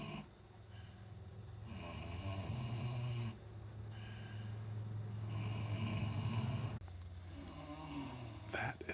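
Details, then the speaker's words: Heavily pregnant kunekune sow due any day, asleep before farrowing: deep, steady, rumbling snores with a vibrating low buzz; snoring. "the sound of our big mama pig, who is due any day, but she's just in there snoring away."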